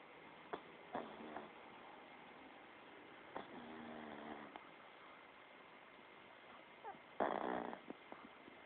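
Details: Snoring during sleep: three soft, buzzing snoring breaths with a few clicks and snuffles between them, over a faint steady hum.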